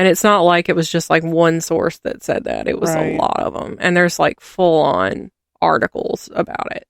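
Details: Adult speaker; normal speech.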